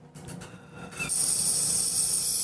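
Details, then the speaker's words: Improvised mucosal atomizer demo: a nebulizer chamber on suction tubing connected to oxygen gives faint clicks, then a steady loud hiss of gas flow. Drops come from the tip and a fine mist forms, running slower than commercial atomizers. "you can see drops coming out of the tip of the tube now there is a fine atomized mist that's coming out but it's a lot finer than the commercially available product it's running a lot slower"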